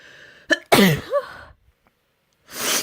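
A quick sharp intake, then a forceful sneeze trailing into a voiced sound, with another burst starting at the end.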